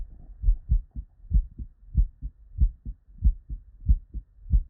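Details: Real, unedited human heart sounds recorded at the bedside from a patient with normal cardiac physiology: regular paired lub-dub at about 94/min, clear first and second sounds, no added noises; normal heart sounds.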